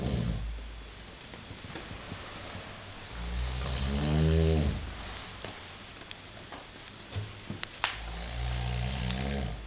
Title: Snoring Lobotomy